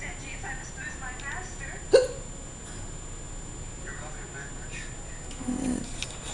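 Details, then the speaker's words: Painful hiccups in a patient the day after stomach surgery, at the first meal: a single sharp, brief hiccup over steady room noise with a fainter second catch; hiccups. "it I got the hiccups and they just started I don't know what and it hurts it kind of sucks"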